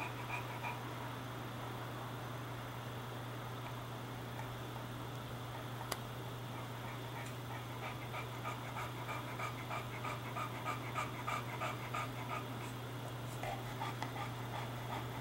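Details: English Bulldog breathing heavily and panting indoors with the air conditioner on, cooling down after playing outside.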